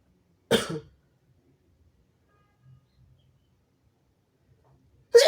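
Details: Harsh cough from a sick nonbinary person (he/they): one harsh, abrupt cough, then quiet, with another forceful burst starting at the end. The recording also has very harsh sneezes.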